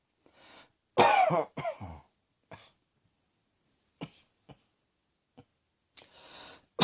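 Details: Two loud, harsh coughs close together, then a few faint throat sounds and a breathy exhale: cough.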